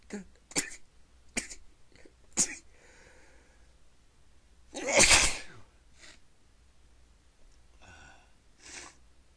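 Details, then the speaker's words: Run of sneezes despite trying to stifle them: several short stifled bursts, one full loud sneeze, then softer sneezes with breaths between. The person says they can't stop and the sneezes keep coming. "Oh man, I can't stop. Sneeze. Fuck. Just keep coming."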